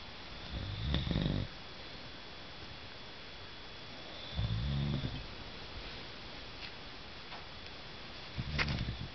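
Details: Adult man snoring while asleep in the dark, recorded by his wife: three low, rumbling snores about three to four seconds apart with quiet breathing between.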